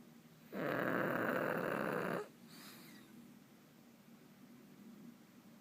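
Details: Sleeping pug, a flat-faced dog: one long, loud, rattling snore on the in-breath, then a faint whistling out-breath; snoring.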